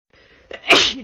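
A short breath in, then one sharp, explosive sneeze that trails off: a single sneeze.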